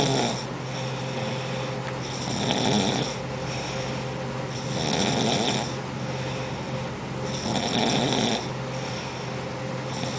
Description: Nobody can ever sleep when this lady is around